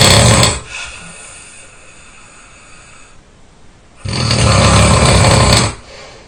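Two loud, harsh, rattling snores with a quiet breath between them: heavy snoring.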